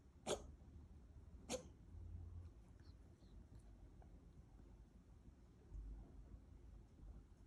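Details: Cat reverse sneezing: two sharp, snorting bursts about a second apart, then quiet room noise; owner wonders whether something is stuck or it ate something wrong.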